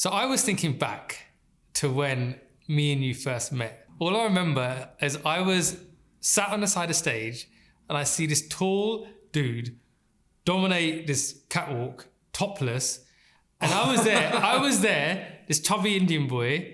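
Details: Adult man speaking; typical speech.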